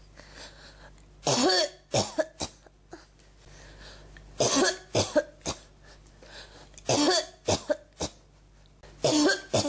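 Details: Repeated bouts of short coughs mixed with throat clearing, returning every few seconds, with the throat strongly affected and something nearly coming up but not; persistent cough with throat clearing.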